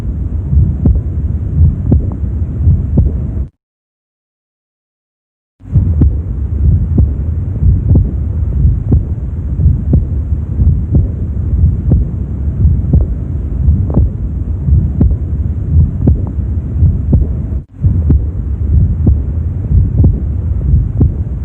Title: AORTIC REGURGITATION-MID LEFT STERNAL BORDER[3RD INTERCOSTAL SPACE]|HEART SOUNDS|AUSCULTATION|MURMUR